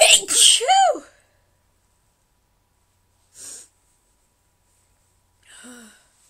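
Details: Morning sneezes from a person whose sneezing hurts their throat: one loud, explosive sneeze with a voiced trailing cry, then two softer sneeze-like bursts in a quiet room.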